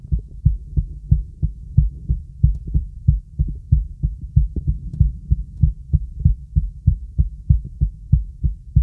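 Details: Heart auscultated with diaphragm during a relaxing full-body auscultation on a girl using a real stethoscope: normal heart sounds.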